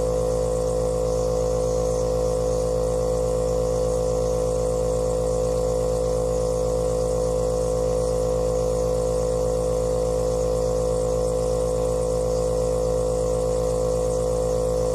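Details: Compressor nebulizer running: steady motor hum with fast regular buzzing pulses, about four per second.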